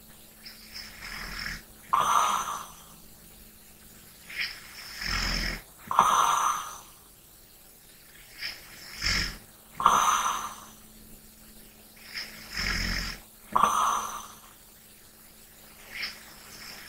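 Light, airy snoring and breathing sounds, about 16 breaths a minute, with quiet room hum; soft sleep snoring.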